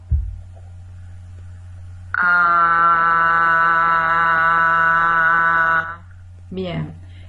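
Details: Normal, healthy voice producing a single sustained sound, recorded in a voice lab.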